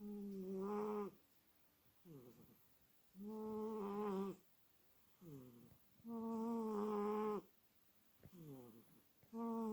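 A sleeping cat snores in a regular rhythm, about 19 breaths a minute: a tonal rasp on each breath in and a softer, falling sound on each breath out.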